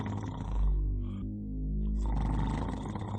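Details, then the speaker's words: Snoring: low, rough, rumbling breaths over music, with coarse vibration on inhalation, illustrating airway narrowing at tongue, soft palate, uvula and back of throat as muscles relax in sleep. "cuando uno duerme los músculos se relaja este espacio va disminuyendo generando mayor ruido y turbulencia al paso del aire presentándose lo que conocemos como"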